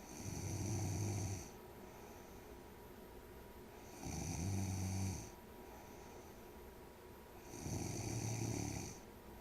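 Low rumbling snores on each breath in, about one every 3.5 seconds, roughly 17 a minute, over steady room hum: snoring.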